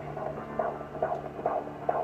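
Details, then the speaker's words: Fetal heart rate heard on Doppler during a prenatal check of a pregnant teenager's belly; rhythmic whooshing pulses around 140s a minute, described as average, with the baby moving around a lot. "in the 140s it's kind of the average okay"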